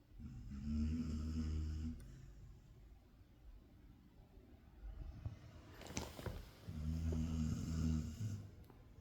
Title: the snoring....